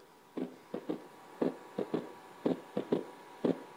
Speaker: A gallop is an extra heartbeat that comes either before the S1 or after the S2. And this is a gallop.